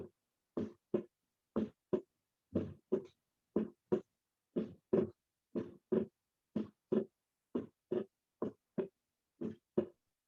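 Regular paired heart sounds at about 60 a minute; the second sound is split on inspiration and narrows on expiration, a normal physiological split.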